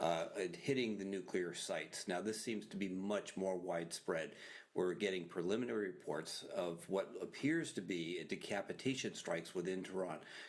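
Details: Adult male speaker, broadcast news; normal speech.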